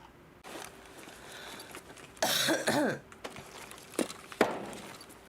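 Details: Girl's voiced throat-clearing followed by two short, sharp coughs in a quiet room; she remarks her voice has changed a lot and mentions taking medicine.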